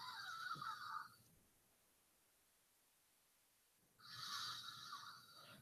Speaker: I apparently recorded somebody snoring. Who? I think my kid. That sounds like a demon.